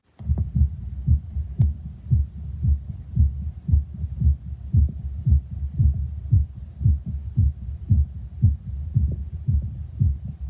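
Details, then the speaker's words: Adult's own heart recorded with a stethoscope and an app after open-heart mitral valve repair for severe mitral valve prolapse regurgitation: steady, regular low thumps with no whoosh, now like a real heartbeat instead of the earlier squishy sponge sound. "it's amazing it sounds like a real heartbeat not like that squish before it sounded like a what sponge it really did"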